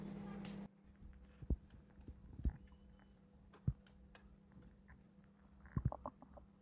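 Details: Woman, 5 months pregnant, doing housework (packing), reports feeling very uncomfortable: scattered low gurgles and rumbles from the abdomen over a steady hum; ordinary stomach growling (borborygmi).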